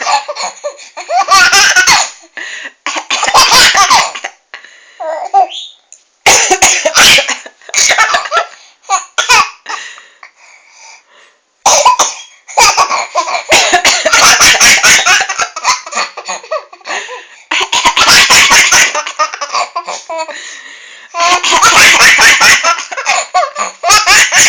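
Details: Mother's coughing: bursts of adult coughs alternating with a baby's loud belly laughs in a small room.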